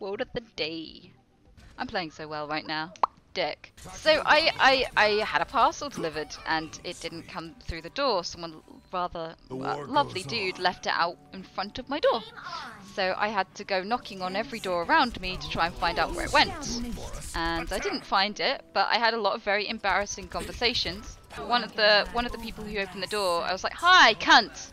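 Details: Live-streaming woman who says she has Tourette syndrome, also reporting motor tics: involuntary vocal tics with coprolalia, interjected obscene or nonsensical words and phrases, some bleeped.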